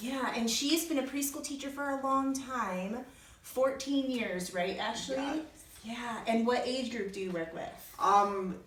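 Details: Adult woman speaking; typical adult speech.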